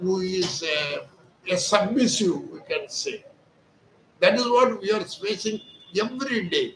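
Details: Adult male with puberphonia, high thin voice since birth; surgery was advised locally, but he chose voice therapy exercises and reports improvement after 4 days of treatment; speaking Hindi.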